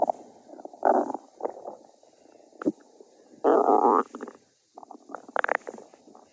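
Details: Loud gurgling and rumbling bursts with quieter bubbling between them: a hungry stomach growling, ordinary borborygmi.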